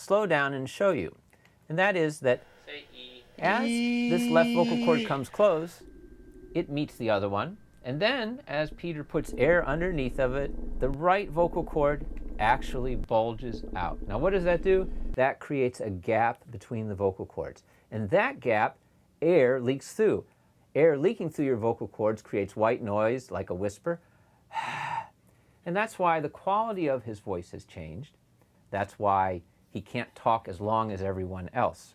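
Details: Adult male speaker; normal speech.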